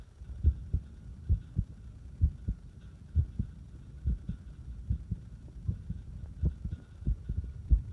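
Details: Irregular heartbeat, muffled paired heart thumps at about 70 a minute with uneven spacing that tightens toward the end, an irregular rhythm.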